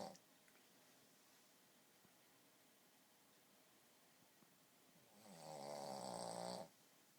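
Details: After a quiet stretch, one nasal, whistling snore of about 1.5 seconds from a sleeping Boston Terrier.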